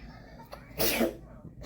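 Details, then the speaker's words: Child sneezing after a nasal cotton swab, given a popsicle: a single sharp, explosive burst of air through nose and mouth after a short breath in. "that face you're sneezing because they shove that thing up you got it baby just eat your Popsicle"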